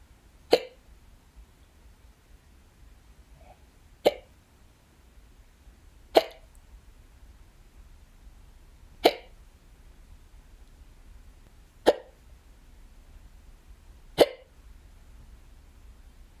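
Six sharp, abrupt hic sounds spaced roughly two to three seconds apart in a quiet room: ordinary hiccups.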